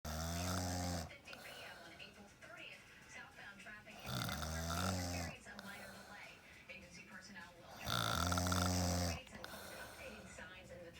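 Loud, rattling, low-pitched snores on each breath in, about every four seconds, with quieter breathing between: snoring.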